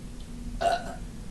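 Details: Adult woman burping while surfing the Internet: a single short, voiced burp over low background hum; burping.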